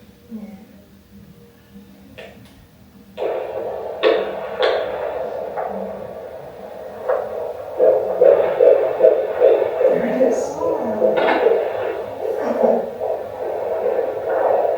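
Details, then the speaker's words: Rapid, regular whooshing fetal heartbeat through doppler static, about 150 per minute, heard at a midwife appointment in the Netherlands; baby and heartbeat reported as good. "We just finished midwi session the baby is good. Heartbeat is good."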